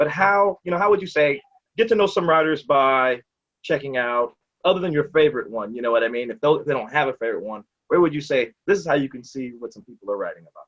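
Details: Adult male speaker; normal speech.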